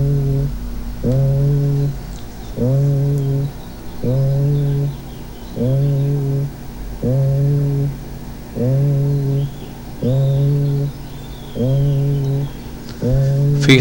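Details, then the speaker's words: Patient whispering "1, 2, 3" over healthy lung during chest auscultation, heard as muffled, unintelligible drum-like sounds; about ten bleating vowel-like sounds: labelled egophony. "Aquí le estamos pidiendo al paciente que cuchichee 1, 2, 3. Y vean cómo se escucha como el tañir de tambores, ¿no? Como ruido de tambores, no se entiende absolutamente nada."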